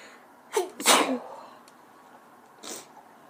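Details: Female, random sneezes: a quick in-breath and a sharp explosive burst, then a fainter second burst; two sneezes in a quiet room.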